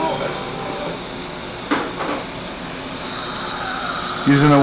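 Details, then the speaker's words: Steady high-pitched motor whine with a brief pitch change from a 1.2 mm pilot drill on a surgical motor at 2000 RPM, drilling through soft tissue into the upper ridge of an anesthetized patient for 2.5 mm mini dental implants stabilizing an upper denture. "usually a septical surgical motor setting at 2000 RPM we're to make our pilot drill holes there a 1.2 mm mdl drill"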